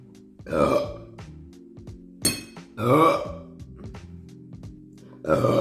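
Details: Female Twitch streamer burping: three loud, drawn-out belches over background music; ordinary burping.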